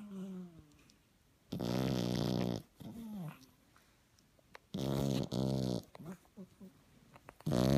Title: French bulldog puppy snoring